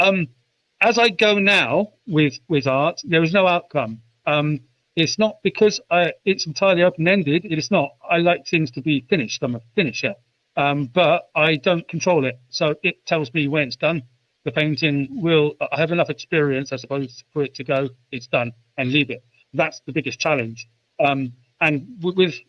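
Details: UK adult man who has stammered since about age 5, intense for 20 years, with speech therapy at about age 24 teaching techniques; speech still not perfect; stuttering (stammer).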